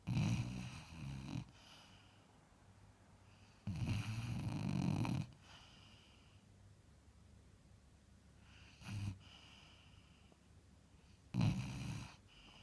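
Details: Low, fluttering snores from a sleeping basset hound, about five breaths a minute, with quiet pauses between breaths.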